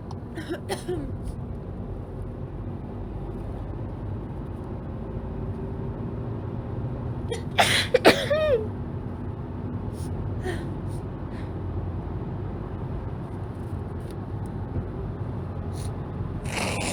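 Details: Woman with a cold, runny itchy nose, sneezing in a car: a quick run of sharp, explosive sneezes over steady road noise.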